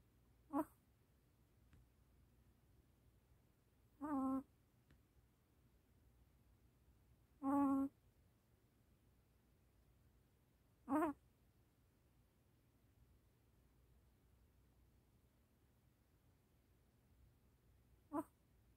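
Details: Sleeping baby puppy gives five brief, high whimpering squeaks over about nineteen seconds while sleep-babbling: normal sleep vocalization in a puppy.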